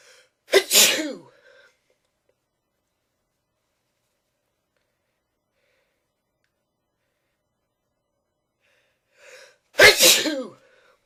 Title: Some more sneezing